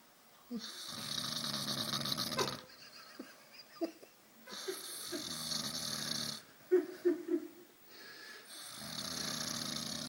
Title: Snoring a bit